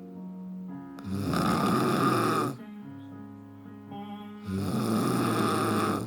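Loud, rough, rattling snores on each breath in, separated by quieter tonal breaths out; heavy snoring.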